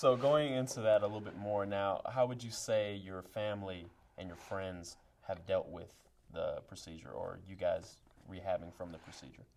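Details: Adult male talk show host; typical speech.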